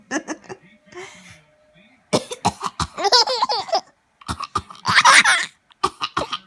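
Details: Short, loose coughs from a young child mixed with giggling and laughter, the coughs breaking into and out of the laughs; cough.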